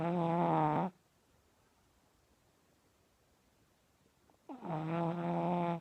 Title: Pug Puppy Snores